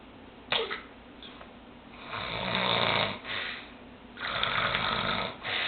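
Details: Sleeping man, long rough hissing breaths in slow cycles over steady background noise; snoring.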